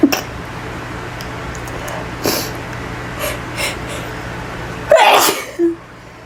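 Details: Person in a bathroom with a sneezing fit, saying they can't stop sneezing: a few softer sneezes, then a loud forceful sneeze followed by a gasp, over a steady room hum.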